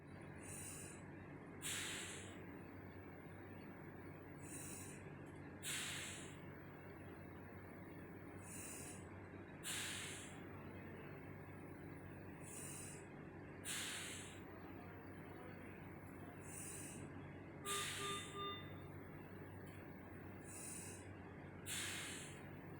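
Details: Regular hissing air bursts about every four seconds, about 15 per minute, from a mechanical ventilator delivering machine breaths as emergency life support.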